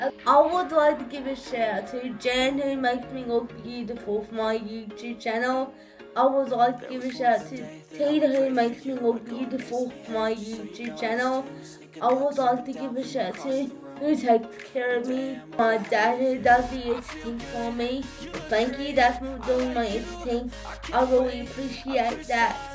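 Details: Dysarthric speech in a woman whose condition is labelled cerebral palsy; finding: dysarthric speech in cerebral palsy.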